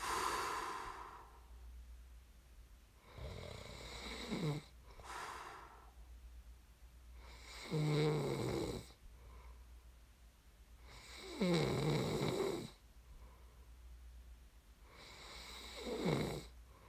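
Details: Slow, loud, rattling snores during sleep, about 16 a minute, with quieter breathing between them and a low background hum; ordinary snoring.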